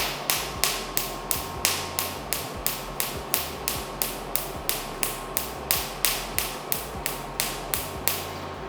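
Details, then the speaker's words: Picosecond Q-switched laser, 1064 nm handpiece, 500 mJ, 3 Hz, 3 mm spot, fired in air without skin contact: sharp regular snapping clicks about three per second over steady machine hum. "अब देखते हैं 1064 कैसे fire करता है parameters वही है जो system दिखा रहा है 500 मिली जूल एनर्जी है 3 हर्ट्स का फायरिंग रेट है मतलब एक सेकंड में तीन शॉट निकल जाएंगे"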